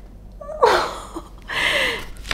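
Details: Snoring from a dog, heard in the background indoors.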